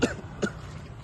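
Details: Simulated cough in an acted role-play of a patient complaining of a phlegmy cough: two short, slightly wet cough bursts imitating a productive cough.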